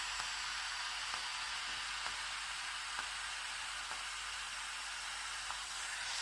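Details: Ulike Sapphire Air+ IPL hair removal handset firing continuously on the leg, button held in, worked in stripes from top to ankle: steady cooling-fan hiss with faint regular clicks, about three per second, as light pulses fire.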